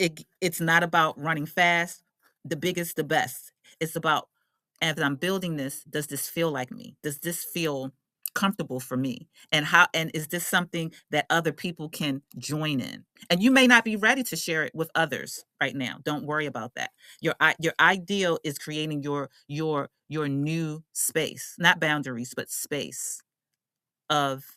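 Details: Adult woman who identifies as a stutterer and works on her speech confidence, with repeated words and phrases; stuttering.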